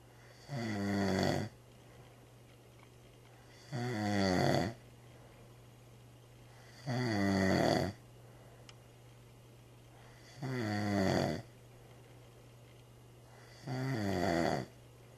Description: cant sleep cause your too loud